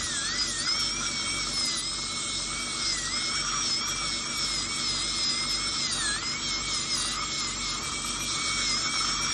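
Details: Steady high-pitched whine of a high-speed dental drill with small pitch dips under load; crown preparation on a real patient for porcelain-fused-to-metal bridges replacing the extracted right upper second premolar and right lower first molar.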